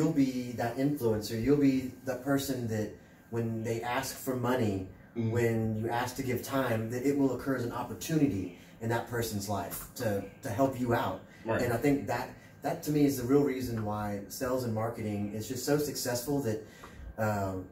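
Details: Adult man speaking; no speech disorder.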